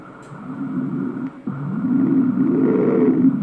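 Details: Standing scrotal Doppler ultrasound of a soldier with high-grade varicocele: loud, continuous, low whooshing flow that swells and persists, showing venous reflux.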